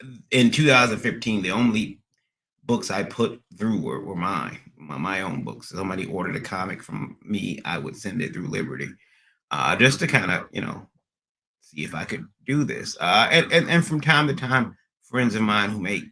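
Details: Adult man with stuttering after a recent transient ischemic attack; MRI and another scan showed a little damage; under a neurologist with physical, occupational and speech therapy; speech not fully recovered, still stutters occasionally almost a year later; acquired (neurogenic) stuttering.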